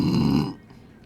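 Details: A single loud, low, rumbling burp lasting about half a second, then quiet.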